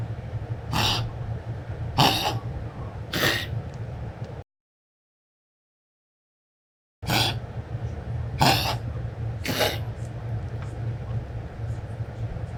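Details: Six harsh, hacking bursts in two groups of three over a low steady room hum: coughing in a cat, recorded 08/28/2015.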